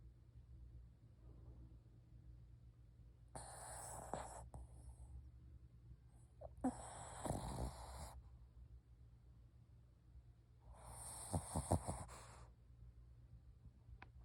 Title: 코 고는 브루노😪😪 ( Bruno's snoring sound )